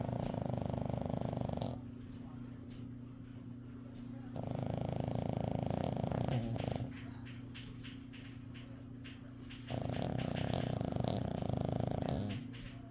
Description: My dog snoring is so cute and funny!